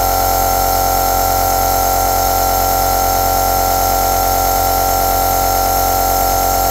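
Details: Running aerosol (nebulizer): a steady, unbroken mechanical hum with a faint rapid pulsing buzz, fitting a compressor nebulizer delivering aerosol.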